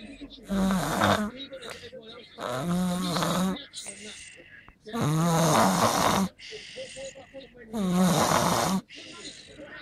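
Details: Loud, rattling snores with softer noisy breaths between them, about 24 breaths a minute; ordinary snoring.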